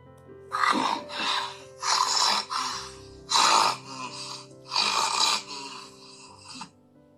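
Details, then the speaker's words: Sleeping adult with severe obstructive sleep apnea who had failed CPAP, recorded at home before oral-appliance treatment: loud, harsh, irregular snoring snorts, over music. "지금 숨을 쉬려고 하는데 숨에 안 들어가는 상황입니다 그래서 입만 뻥긋뻥긋하고 숨을 못 쉬어요"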